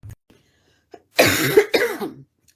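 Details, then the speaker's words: Adult woman with a persistent barking cough, worse at night: two harsh, forceful coughs in quick succession with a rough, barking quality. "Pera aí, gente. A tosse a noite pega. Ó. Começou."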